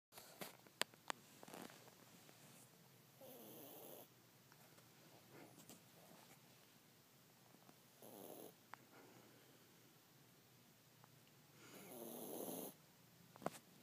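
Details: Chihuahua snoring while awake, with a Chinese Crested nearby sleeping with eyes open: three soft, rough snoring breaths spaced several seconds apart in a quiet room, with a few faint clicks.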